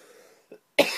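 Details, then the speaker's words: An adult with a runny nose, who says he is feeling better, gives a single short, sharp dry cough with no mucus rattle after a brief throat sound; he describes the cough as unproductive. "I'm coughing but nothing's coming up it's just like dry coughing"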